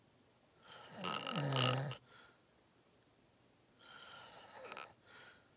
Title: Watch me sleep #53: Long Nap! 😪😴Loud Thicc Snoring 💤 Lucid REM Sleeping ASMR Very Deep Big Snores